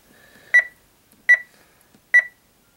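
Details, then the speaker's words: Three short, clear beeps about a second apart in a quiet room: keypad tones as settings are entered on a Baxter HomeChoice peritoneal dialysis cycler before a nightly 10-hour session. "now I hit enter again I hit stop says it's in standard mode and now press go to start"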